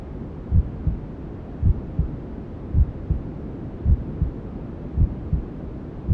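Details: Simulated ASMR womb sound for settling newborns: slow, steady low thumps at about 54 a minute, a mother's heartbeat as heard from inside the womb, over constant white noise.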